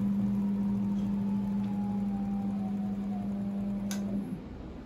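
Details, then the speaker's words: Lumsail BS-LIPS6 dual-pump power-assisted liposuction system, infiltration function switched on by foot pedal with knob-adjustable infiltration speed: steady motor hum with faint rhythmic ticking in a quiet room as the tumescent infiltration pump runs. "now we use uh for the paddle to turn on this function it starts to work we can also use a knob to adjust the infiltration speed"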